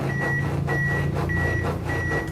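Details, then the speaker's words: AED training demonstration after a shock was delivered and CPR resumed with 30 compressions. The defibrillator gives steady, evenly spaced metronome beeps over a low rumble to set the chest compression rhythm. "okay and you'll hear the beeping on the defibrillator that's pretty much giving us the Rhythm"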